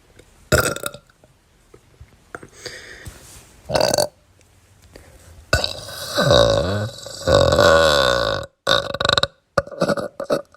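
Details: Foam burps with vomit after drinking a little Sprite and eating banana: a series of loud burps, including one long gurgling belch lasting a few seconds, with quiet pauses between.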